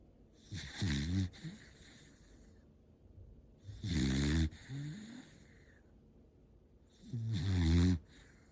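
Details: An 8-month-old dog, said to snore like he's 80, gives loud rattling snores on each breath, about 17 a minute, with short snorting catches between; noisy sleep breathing.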